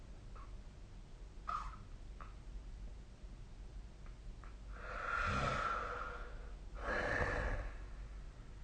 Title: 🐽 本日のイビキ / Snoring Sleep Sound